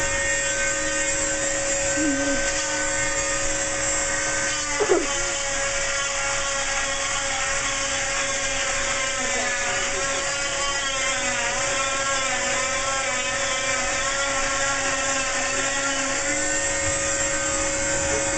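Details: Elderly man (granddad) having his cast removed with a cast saw: steady high-pitched motor whine that dips briefly as the blade bites through the cast.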